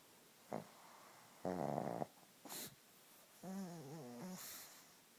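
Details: Sleeping pug, irregular snorting and rattling snores with short wheezy, whistling breaths; snoring.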